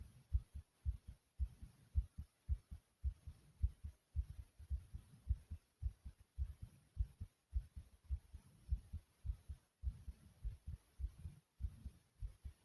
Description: my heart is beating quickly and softly.